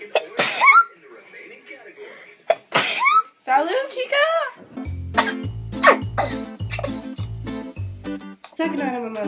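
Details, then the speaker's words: Two loud, explosive sneezes, each after a sharp intake of breath; sneezing. "Oh, no. I need to sneeze."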